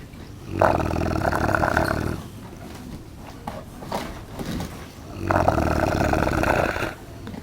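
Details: Two long, loud, rumbling rattly breaths a few seconds apart, with quieter breathing between, from a sleeping Neapolitan mastiff almost one year old; heavy snoring.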